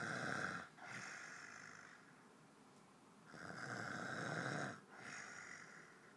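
Harsh rattling snore on each slow breath in, with quieter breaths out between, the sound of ordinary snoring.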